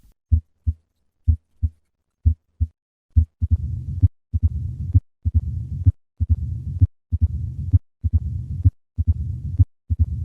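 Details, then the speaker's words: Mitral stenosis in mixed mitral valve disease (MS/MR), heard with the stethoscope bell held lightly on the chest: loud S1 and an opening snap after S2, then a low-pitched diastolic rumbling murmur, about 65 beats a minute. "the murmur of mitro stenosis is low pitched and requires the bell of the stethoscope to be held lightly on the chest wall newer electronic stethoscopes make this murmur easier to hear"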